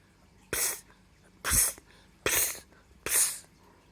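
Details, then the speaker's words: A cat sneezing, or possibly letting out steam, as the owner is unsure what the sound is and asks for help: four short, sharp, hissy bursts about a second apart. "as soon as i start recording it stops ninja was just sneezing or letting out steam or something was going"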